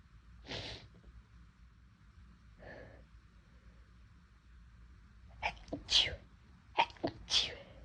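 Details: Deliberately induced sneezing on a day the nose felt unusually sensitive and itchy, in someone who normally sneezes little: two softer sneezes, then a quick run of about four sharp, loud sneezes.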